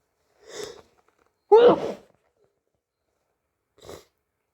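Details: Hay fever on a sneezy day: a short in-breath, then one loud voiced sneeze and a softer breath after.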